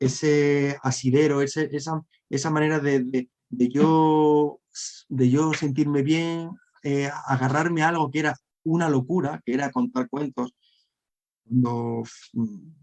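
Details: Adult man who has stuttered since childhood and struggled to hide it through adolescence, now a storyteller and a member of a stuttering foundation; stuttering.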